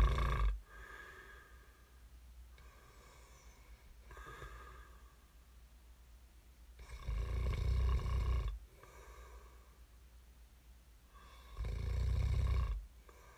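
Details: Snoring recording made as sleep ASMR: deep, rumbling snores on breathing in, with softer breaths between, in a quiet room; ordinary snoring.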